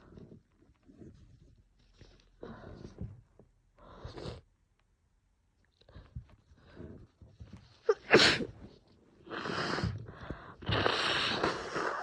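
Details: Woman with a cold plus allergies, very congested: sniffs and catching breaths build to a burst of loud, wet, rapid sneezes in quick succession.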